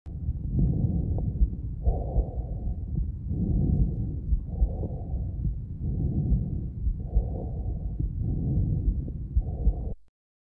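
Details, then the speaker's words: Loud, high-pitched blowing breath sound heard over the projection zones of the large airways: normal tracheobronchial breath sounds. "c'est un bruit soufflant de haute tonalité il est entendu dans les zones de projection des grosses voies aériennes"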